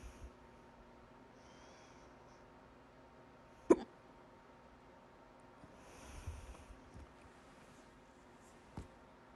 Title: 2/4/23, My Loud, Second Hiccups